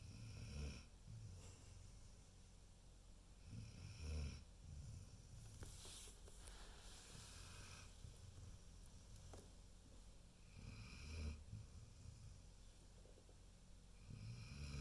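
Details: Soft, low, irregular snoring sounds against steady room noise.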